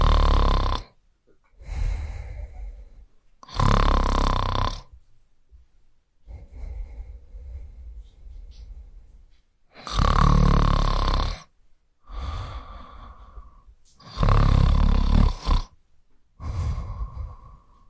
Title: Snoring Sound Effects | No Copyright | Free